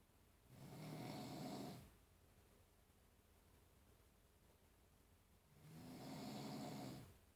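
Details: Adult man snoring around midnight, recorded by his wife to show how loud it is; snoring.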